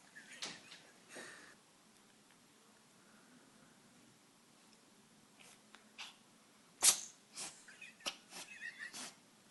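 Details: Cat sneezing repeatedly for one day, filmed before a vet visit; it resolved afterward: consecutive sneezes.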